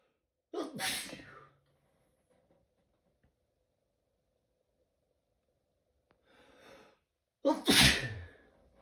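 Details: Adult with repeated sneezing all day, bouts every 20–30 minutes: two loud sneezes with a sharp intake before each, separated by quiet.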